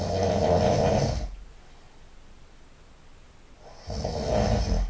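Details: Person lying on their side snoring nasally: loud, rough rattling snores on breathing in, separated by a quiet pause.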